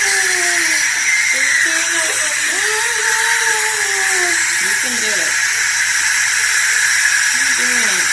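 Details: Young boy at dentist having sealant applied to his teeth, mouth held wide open: continuous loud hiss of dental air and suction with the child's squeaky vocal sounds during sealant application.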